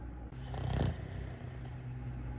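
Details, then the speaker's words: Person snoring while sleeping beside a partner who also snores; a deep, low rumbling snore swelling to a loud peak over a steady low hum. "you're snoring in my face don't be mean you started it you started it stop snoring"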